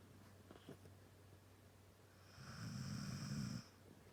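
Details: Sleeping Husky dog snoring: a single drawn-out, rattling noisy breath with a buzzy low flutter over quiet room hum.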